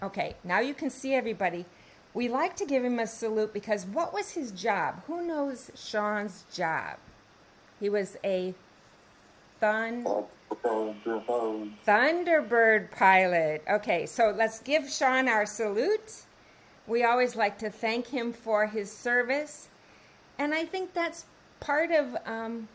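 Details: Adult woman speaking; no speech disorder.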